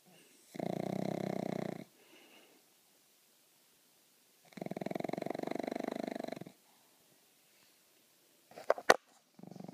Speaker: Our new snoring pup. Ella. This is why we get no sleep. Every night.